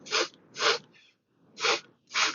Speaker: Sorry, my nose was getting stopped up and I had to hit my nasal spray there.